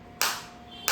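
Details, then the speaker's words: Focused (not radial) shockwave therapy device, self-demonstrated off any joint at intensity 8 after starting at 4 with frequency 90: two sharp cracking pulses over a steady electronic hum as the applicator fires. "Eight पे मेरे को काफी अच्छी feel हो रही है। और आप ये साउंड भी सुन सकते हैं फोकस शॉप की इस तरीके से।"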